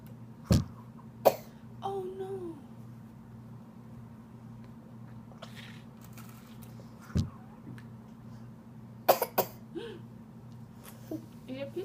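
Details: Child coughing: about five short, sharp coughs in scattered bursts with brief vocal sounds between, over steady room hum.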